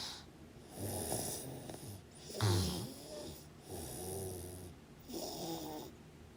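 Rough, rattling snores come one after another with short quieter gaps between breaths. Ongoing snoring.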